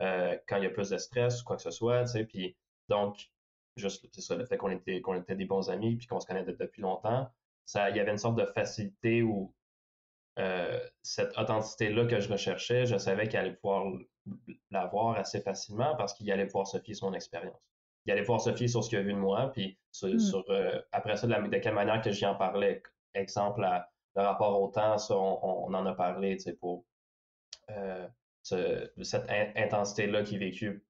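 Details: Young adult man who stutters, speaking French; stuttering.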